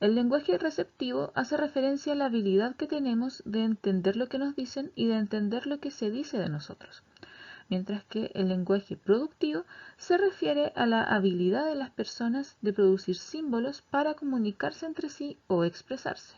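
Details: Adult woman lecturing in Spanish; normal fluent speech.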